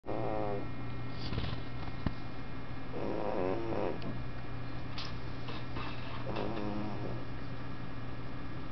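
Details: Sleeping female shelter cat snoring loudly: a steady low rumbling purr with three short tonal snoring or cooing sounds spaced a few seconds apart.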